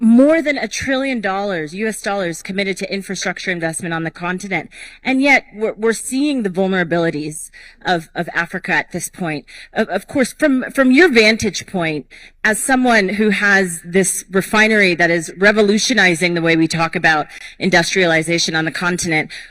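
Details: Adult moderator; normal voice.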